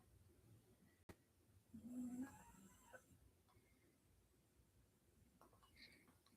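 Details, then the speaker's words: Pet dog snoring while sleeping under the owner during a recording: a single soft, buzzing snore, with a quiet room and a faint click beforehand. "And while I'm doing that, just to let you know, as I've done everyone else, my dog is sleeping right under me. So, you will hear her snoring from time to time."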